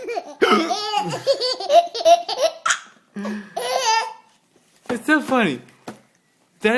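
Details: Adult man (father) hiccuping, saying the hiccups hurt a little, like something stuck: occasional sharp hiccups largely covered by a baby's repeated belly laughter.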